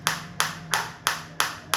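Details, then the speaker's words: Sharp, regular snapping pulses about three per second, like rapid clapping, as a focused (not radial) shockwave therapy device, rated up to 7 cm depth, starts firing after water loading; felt in the operator's hand. "तो जैसे ही मैं इस पर click करूंगा आप देख सकते हैं मैंने क्लिक किया ये स्टार्ट हो गया। [प्रशंसा] देखो बिल्कुल फोकस शॉप आ रही है फाइल उसकी मेरे हाथ में बिलकुल फील हो रही है।"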